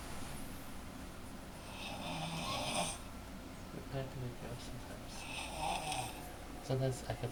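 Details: Sleeping adult woman at 3 in the morning, with others talking and trying to wake her: loud, rough snores; snoring.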